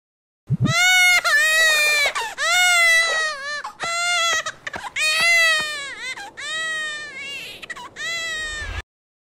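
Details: A baby cries loudly in his room, sustained wailing in drawn-out bursts with quick gasps between.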